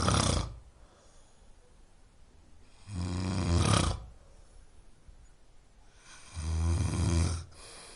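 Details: Snoring recording meant to aid sleep: loud, deep, rattling snores on each breath in, about 17 a minute, with quiet breathing out between them.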